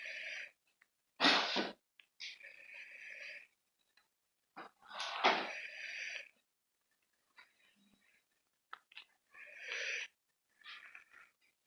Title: Playing subway surfer sorry for the weird noise in the background it was my breathing